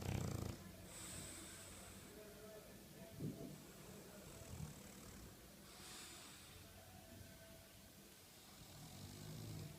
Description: French Bulldog Simba to snore 😄